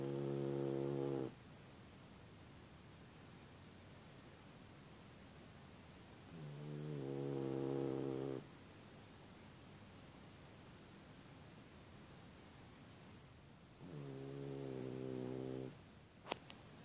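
Loud, rattling snores on each breath in, about eight to nine a minute, with quiet gaps between; ordinary snoring in a sleeping dog.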